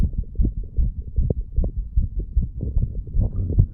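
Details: Fast, muffled low thumps, roughly 150 a minute and somewhat uneven, over the mitral and tricuspid valve areas of a 35-year-old man after pull-ups and breath holds; quickened normal heartbeat after exertion.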